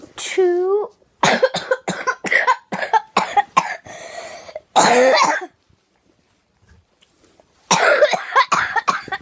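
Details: Girl coughing: repeated short, harsh coughs in bursts, with a brief voiced sound at the start and pauses between.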